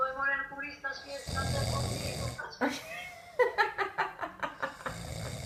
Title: Sleep good, snore